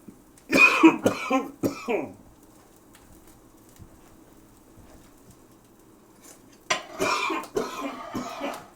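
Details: Bouts of harsh, rough coughing separated by a quiet pause, with kitchen noise, from a cook with a smoker's cough who accidentally breathed pepper while cooking steak; irritant cough.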